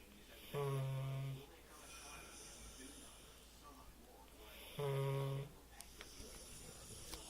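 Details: Dog snoring, with a collar on; the owner thinks the collar, worn because of a licked paw wound, causes it. Two long, droning, slightly tonal snores about four seconds apart; snoring.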